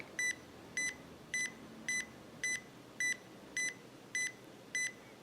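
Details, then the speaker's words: Digital wrist blood pressure monitor on the user's own wrist: regular electronic pulse beeps as the cuff slowly deflates after inflating, with the arm held in an awkward position. "And it's getting my heartbeat. taking my blood pressure as it slowly lets off."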